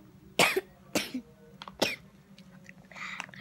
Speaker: Halo guys, hari ini aduh maaf gue, aku lagi batuk nih.